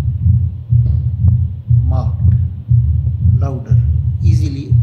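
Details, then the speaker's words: Female patient with pure, uncomplicated mitral stenosis, auscultated with the bell, tilted to the left, breath held after expiration: regular beat near 60/min with a low-pitched, rough, rumbling mid-diastolic murmur that grows louder at the end. "a mid diastolic rough rumbling murmur which becomes louder at the end. Okay. This murmur is best heard with the bell because it is a low pitch mber."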